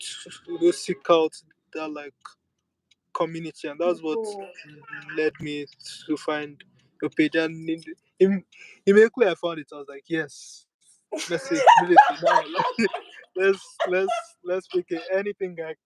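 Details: Stuttering in a speaker who accepts and lives with the stammer rather than using avoidance strategies.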